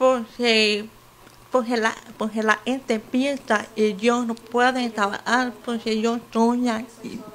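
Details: 28-year-old woman with hearing loss since birth, some speaking difficulty, uses a hearing aid; deaf speech (congenital hearing loss).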